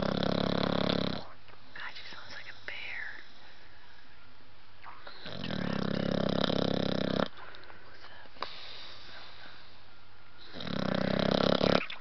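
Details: Blue nose pitbull puppy Roxie snoring: loud rumbling snores recurring every few seconds, quieter breathing between them, faint background talk.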